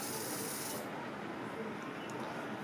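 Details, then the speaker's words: Vapocoolant freezing spray applied to the trapezius of a man with a severe muscle spasm, sprayed until the skin frosts, before a steroid and bupivacaine trigger point injection: brief steady hiss under a second, then quiet. "go ahead and do some freezing spray till it starts frosting up there"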